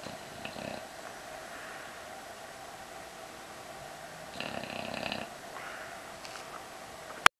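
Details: Dog sleeping with her baby: soft, raspy nasal snorts at intervals over quiet room noise; light snoring.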